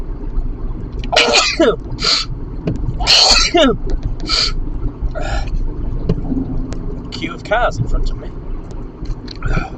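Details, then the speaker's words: Adult driving home on the motorway from a dog-filled house without antihistamines, sneezing repeatedly from pet allergy: several sharp, explosive sneezes in quick succession with gasping breaths between, over steady car noise. "house trying to drive while sneezing or nearly sneezing not the easiest thing to do"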